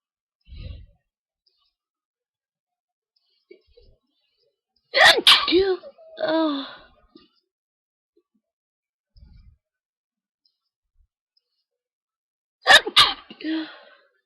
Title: NoseBlow and Sneeze